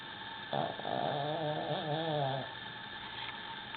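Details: Person asleep in the evening: one long, droning, buzzy snore about two seconds long with wavering pitch over a steady background hum, likened to freight-train noise; snoring.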